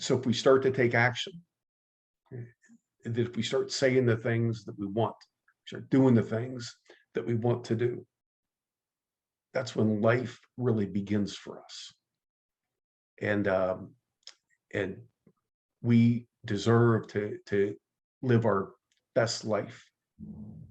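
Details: Stuttering in an adult man who identifies as a person who stutters, recalls being mocked by a teacher at age 10, and has been active in the stuttering support community for over 25 years.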